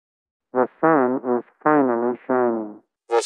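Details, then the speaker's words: Simulated cochlear implant sound quality from research approximations: muffled, tinny, synthetic speech with little clarity, from the poor sound qualities played first. "In this demonstration, the poor sound qualities are played first and then the better sound qualities are played at the end."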